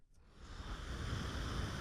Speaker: Whoa. That's the sound it's always making. Isn't that nuts? That's insane. That's blowing into your lungs?